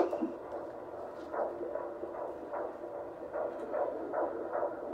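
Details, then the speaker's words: Fetal heartbeat on a handheld Doppler used by the doctor during a prenatal visit in the mother's fourth pregnancy: fast, rhythmic whooshing pulses through hiss, about 150 beats a minute, judged good. "we got to hear the heartbeat of the baby um Kai got to do the little Doppler well the doctor did the Doppler Kai held the little machine so he was really psyched about that"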